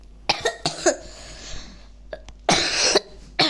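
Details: Cough in a boy who says he has a cough, heard while he plays online chess: about six short coughs, some in quick pairs, with one longer harsh cough.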